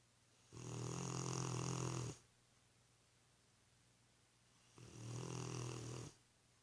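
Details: A worn-out, sleeping Rottweiler gives two long, deep, rumbling snores with a quiet gap between them; heavy snoring.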